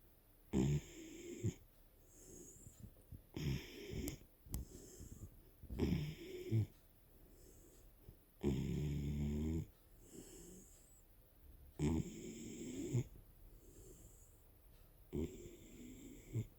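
Loud, rhythmic snoring from a sleeping dog, a harsh rattling snore on each breath, about five breaths in the stretch, with quiet gaps between.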